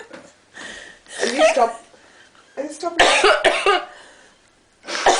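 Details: Mother in Paris with harsh, explosive coughing/sneezing fits, blamed on something in soup or cheese; a child's distressed voice in a small room.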